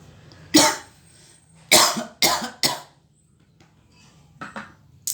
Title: batuk batuk kering,